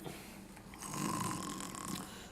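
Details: Acted snoring in a comedy film scene; a rough, rattling snore on a single drawn-in breath with light room noise.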